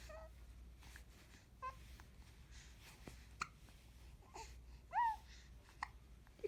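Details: 2-month-old baby girl: soft coos and squeaks with a few abrupt, brief voiced catches at irregular intervals; infant hiccups.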